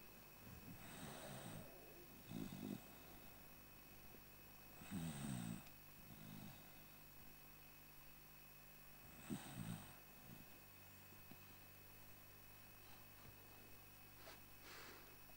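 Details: Zak, a rescued senior golden dog, snoring with soft repeated snorting breaths at around 15 a minute, a low rumble on some, in a quiet room.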